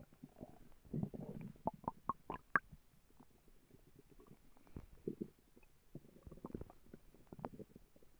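Quiet gurgles and short squeaky bubbling bursts from the belly: ordinary stomach growling from gas and fluid moving through the gut.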